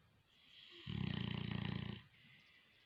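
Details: Boerboel (African mastiff) dog snoring in its sleep: a single low, fluttering snore lasting about a second in a quiet room.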